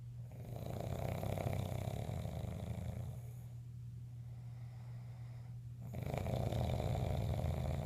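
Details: Father's loud snoring: a low, fluttering snore on breathing in, a quieter breath out, then another rumbling snore; heavy snoring.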